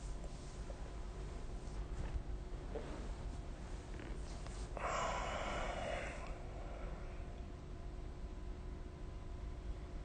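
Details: Snoring during sleep, recorded with the SnoreLab phone app: quiet breathing with low rumbles, then a louder rough snorting breath over steady room hum.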